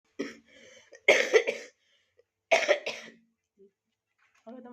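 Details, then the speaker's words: Adult woman with a persistent cough that won't go away: two loud, harsh cough bursts with short voiced sounds between them. "teman-teman aku batuk-batuk batuk batuk batuk nggak sembuh-sembuh"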